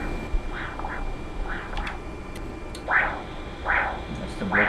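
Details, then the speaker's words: Rhythmic whooshing pulses about 76 a minute over a noisy background: Doppler blood flow through the pulmonary artery of a 14-year-old boy with a ventricular septal defect about 9 mm in size (effectively 4–5 mm), in Nicaragua. "the blood flow going through the pulmonary artery."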